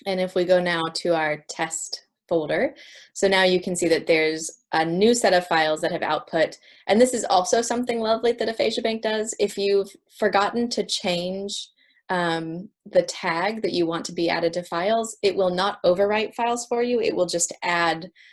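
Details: Adult woman speaking; normal speech.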